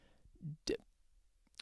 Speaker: hopefully you guys didn't hear that that was my stomach just there sorry about that